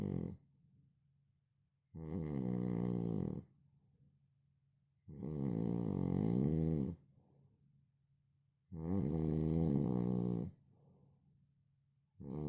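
Loud, rough snores repeat about every three and a half seconds, roughly 17 breaths a minute, with quiet exhalations between them.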